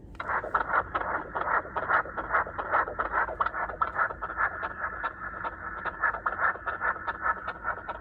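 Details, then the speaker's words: Fetal heartbeat on Doppler during a private 16-week well-being scan of a baby boy (measuring 16 weeks 6 days): fast, regular whooshing pulses at about 146 a minute over background hiss; normal rate. "a little baby that's his heartbeat is so crazy yeah really cool it was really cool"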